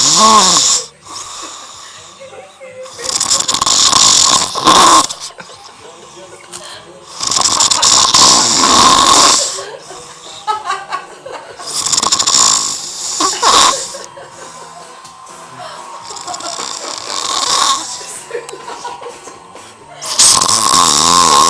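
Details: Snoring recorded close to the face of a sleeping subject: loud, rough, rattling breaths recurring about every four seconds with quieter gaps between, on and on.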